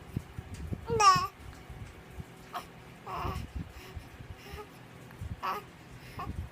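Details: A 2-month-old baby boy gives a brief cry, then babbling and several short, sharp hiccup catches in a quiet room; infant cry with hiccups.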